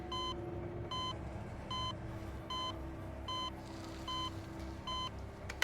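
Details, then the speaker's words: Heart monitor beeping in a dramatized paranormal reenactment, with no patient attached to the electrodes: regular electronic beeps about 76 a minute over a low background hum. "I start hearing beeping. I realize it's the heart monitor going off, beeping as if it has a heartbeat."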